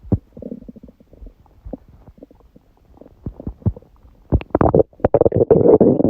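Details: Irregular gurgling, bubbling rumbles, quiet then louder and more continuous (borborygmi), recorded about 1:30 am after waking, following an overly large udon meal at 19:30; the person suspects a reaction to gluten after a long break.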